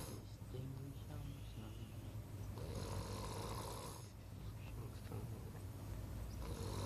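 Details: Snoring at night: low, steady rumbling snore heard faintly beneath room noise.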